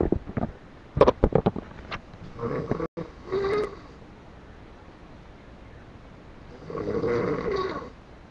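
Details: Several rough, drawn-out snores in a quiet room, with a few brief bursts first; ordinary snoring in a sleeping person.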